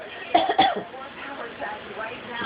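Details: Pet bird imitating a person's cough after hearing someone cough: two quick cough-like bursts, mimicry rather than real coughing.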